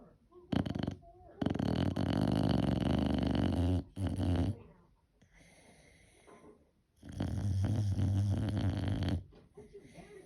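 Loud, rattling snores from a small dog in long drawn breaths, with quiet pauses between them.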